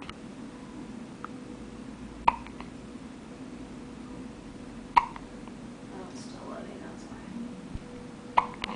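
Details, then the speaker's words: Newborn girl on her day of birth with hiccups: sharp, brief hiccup clicks every few seconds, about three in nine seconds, over quiet room noise. "here we go we got the hiccups oh those are good hiccups"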